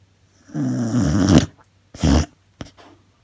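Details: Dog sleeping at night after running and playing hard at lunchtime, described as snoring very loudly: a loud, low, fluttering rumble on a long breath, then a shorter snort and soft puff; snoring.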